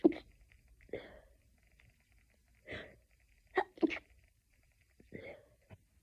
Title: stiffled sneezing fit edit loop 5 ½ minutes. #sneezingfit #stiffled #sneezing #achoo